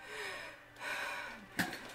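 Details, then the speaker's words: Simulated asthma attack acted as a prank by a young woman who says she has asthma and pet allergies; effortful, noisy breaths ending in a sharp gasp while she says she can't breathe; gasping breathing. "mom I can't breathe right now like Oh to do I can't breathe mom like what do I do"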